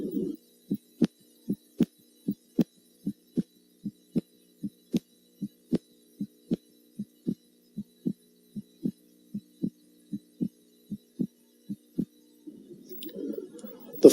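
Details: Adult male patient, normal heart sounds with stethoscope over the pulmonic area during physical examination: steady paired lub-dub at about 77 beats a minute.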